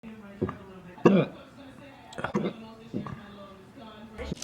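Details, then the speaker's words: Adult man with a bout of hiccups: repeated abrupt gulping hiccup sounds about every second, with faint room noise. "I hate hiccups so okay so like what causes hiccups I don't even get it"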